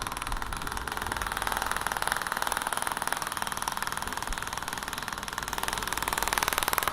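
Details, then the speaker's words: Radial shock wave device with a 30 mm radial head, set to 2000 shots at 20 Hz, treating the Achilles tendon with gel while avoiding bone: rapid, steady mechanical clicking like a fast ticking motor. "So when I carry on and carry on, and you'll see that 2,000 shots are going to be done really, really quickly. We're going to get over with 2,000 shots really quickly."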